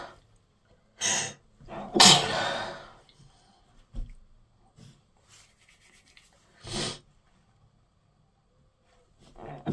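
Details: A burst of about three sharp, explosive sneezes with quieter breaths between, attributed to pollen; repeated sneezing.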